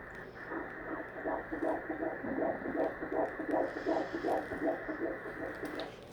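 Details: At 11 weeks 2 days of pregnancy, at a visit after a subchorionic hematoma that was no longer seen the week before: rapid, regular whooshing pulses at about 160 per minute, the fetal heartbeat on ultrasound Doppler.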